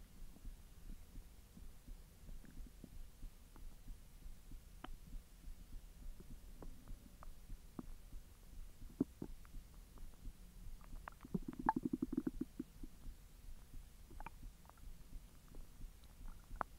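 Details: Belly recording while hot dogs are digested after the stomach was empty for 10 hours: quiet gurgles, clicks and a brief rumbling gurgle over a low hum; bowel sounds (borborygmi).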